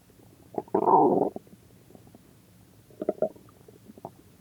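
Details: A long gurgling rumble followed by a few shorter bubbling gurgles over a quiet background: ordinary stomach growling, or borborygmi.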